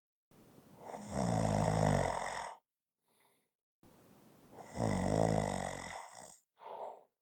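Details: Two long, low rattling snores on the in-breath, each followed by a brief soft out-breath, about 17 breaths a minute: ordinary snoring.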